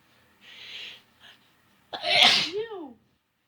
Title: Sneezing with mini talkie